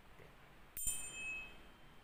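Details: Tuning fork hearing test during a pediatric physical exam: a sharp strike, then a clear, steady high ringing fading over about 1.5 seconds.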